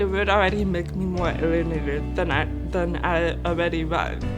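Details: Adult woman born with severe-to-profound hearing loss of unknown cause, only deaf person in her family, uses hearing aids, nearly 28 years of speech and lip-reading training: deaf speech (congenital severe-to-profound hearing loss).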